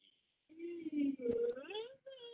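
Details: Normal voice on videostroboscopy, vocal cords vibrating in the midline and elongating during an upward pitch glide; normal voice phonation.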